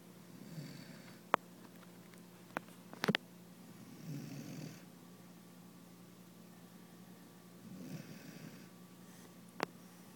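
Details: A 16-week-old Great Dane puppy sacked out asleep, snoring: soft, low, fluttering snores roughly every three to four seconds, with faint clicks in a quiet room.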